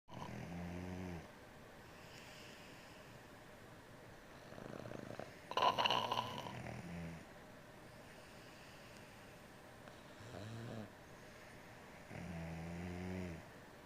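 Loud, rattling snores in slow, regular cycles from two sleepers, a man and a dog, alternating and overlapping; ordinary snoring.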